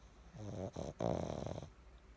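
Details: Pug snoring: loud, buzzing, vibrating snores on the in-breath separated by short pauses; flat-faced dog.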